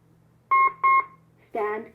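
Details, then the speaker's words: AED trainer in a simulated cardiac arrest scenario with bystander CPR: two sharp beeps, then the voice prompt "clear, analyzing now, stand clear, shock advised" during reanalysis after 2 minutes of CPR. "clear analyzing now stand clear shock advised"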